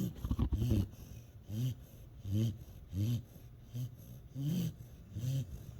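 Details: A sleeping dog named Fawn snores after the manic pixie crash: repeated low, rumbling snorts in a steady rhythm with each breath, over quiet room noise.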